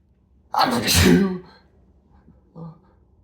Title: after shower inducing sneezes (M)